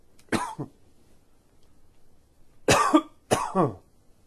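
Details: Two short bursts of coughing, three coughs in all, with a quiet pause between; plain coughing.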